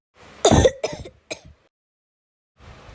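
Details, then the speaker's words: A child with a cough gives three quick, dry, throat-clearing coughs, the first loudest and the last weakest, then quiet. "hello my fans I am having a cough"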